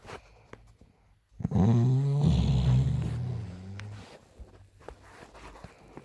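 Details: Woman snoring: one loud, low, rattling snore lasting a few seconds on an in-breath, with quiet room noise around it; ordinary snoring.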